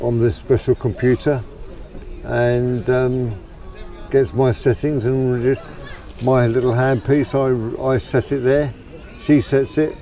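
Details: Adult man with Parkinson's disease whose stammer began about two years earlier and may be a side effect of deep brain stimulation surgery; he also had head trauma; DBS settings being reduced; acquired stuttering.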